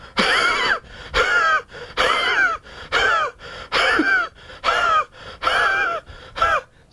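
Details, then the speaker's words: Adult imitation of a very dry sawing cough, like a saw driven through a pine board: harsh, rasping cough in rhythmic bursts. "my next class is the cuff of Pangea and spongy remember my friends is a very dry cuff so the cuff of spongy is like a sore being driven through a pine board"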